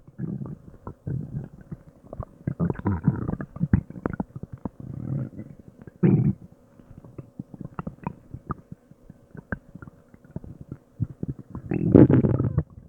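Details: Loud, frequent gurgling, bubbling and groaning with drawn-out rumbles from the stomach and intestines, which have been growling for a long time after an unknown meal; active bowel sounds of digestion, borborygmi.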